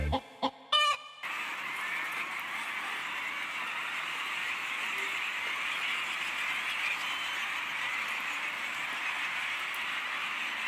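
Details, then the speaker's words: Laying-hen farm flock health check by walking through the house: steady hum of chatter with a few clucks, no sharp sneezing snicks; no chickens with cold sounds or illness found, normal flock vocalizations. "การเดินเบื้องต้นนะครับไม่พบไก่ที่มีเสียงหวัดนะครับไก่ที่เจ็บป่วยก็ไม่มีนะครับคืออย่างปกติดีอยู่นะครับ"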